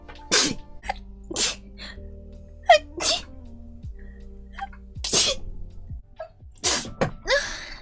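A run of about six sharp, explosive sneezes in quick succession over light background music; repeated sneezing.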